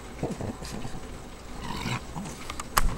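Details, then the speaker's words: Pug dog with breathing problems: low, rough snorting and snuffling breaths with a sharp snort near the end, weird-sounding noisy upper-airway breathing, stertor typical of brachycephalic airway. "you can hear her breathing and how weird it is"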